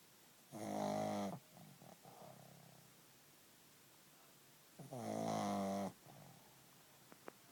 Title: Pug snoring